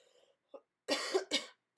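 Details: Adult woman sick with a cold, hoarse and sneezing, speaking during a livestream: two short, harsh cough bursts after a faint throat sound, in a quiet room.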